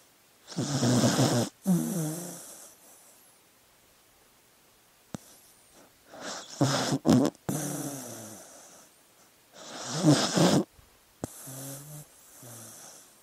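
Sleeping dog making rattly, nasal snoring breaths in slow irregular bursts with quiet pauses between them; ordinary sleep snoring.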